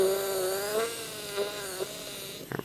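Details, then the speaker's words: High, steady dental drill whine dipping slightly as it cuts, ending in short bursts: a 1.6 mm osteotomy drill with a 12 mm stop used through a surgical guide in a benchtop mandibular demonstration for 2.9 x 12 mm overdenture implants. "so now i'm going to take again my 1.6 millimeter diameter drill with the 12 millimeter drill stop holding it in place and finding my initial 1.2 millimeter osteotomy keeping my osteotomy drill as parallel as possible"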